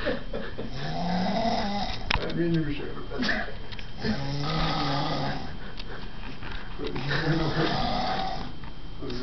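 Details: Repeated rough, rattling breath sounds in a small room, typical of snoring during sleep.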